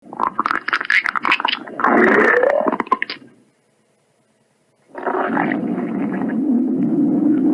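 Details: Stomach growling: bubbling gurgles and a long, low rumble from the belly as gas and fluid move; borborygmi.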